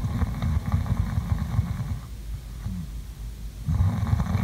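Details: Person sleeping, recorded as ASMR sleep sounds: low, rumbling, fluttering snores with a short quieter pause in the middle; ordinary sleep snoring.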